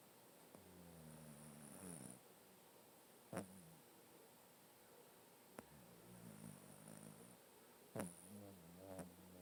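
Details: A cat snores right in its owner's face, which the owner says it does every single day; cat snoring.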